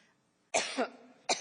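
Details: Two sharp, dry cough bursts in quick succession from an adult woman, part of a coughing fit during congressional hearing testimony.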